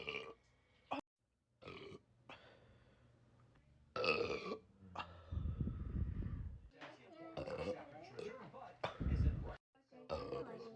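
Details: Girl burping: several deep, rumbling belches with quiet gaps between them, one long and low; repeated gassy belching.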